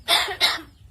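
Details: Two quick harsh cough-like bursts made by a pet mynah bird imitating a human cough.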